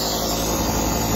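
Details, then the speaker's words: Nebulizer compressor switched on to deliver saline through a nasal nebulizer applicator for a sinus infection: steady loud mechanical hum and hiss of the small compressor running continuously. "plug in the tube to the nebulizer machine which looks like this and just press the compressor button"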